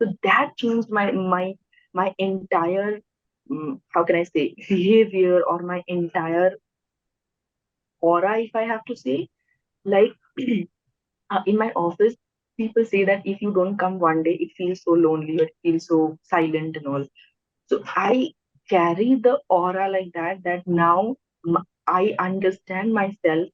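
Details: Adult host who stammers and also has hearing loss, speaking naturally while introducing a podcast guest; repetitions and fillers are audible; stammering.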